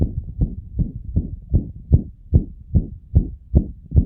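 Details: Dog with myxomatous mitral valve disease (endocardiosis) and a mitral regurgitation murmur, graded on a I–VI scale: a rapid, regular heartbeat of about 150 a minute with a whooshing murmur filling the gap between beats.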